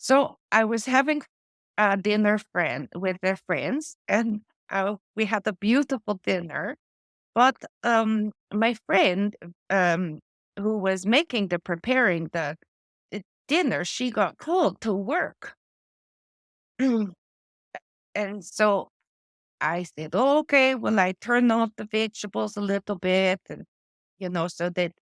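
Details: Adult woman with post-stroke aphasia from a stroke affecting her brain's language area; word-finding difficulty with words lost mid-sentence and old-fashioned or inappropriate word substitutions; she also reports foreign accent syndrome.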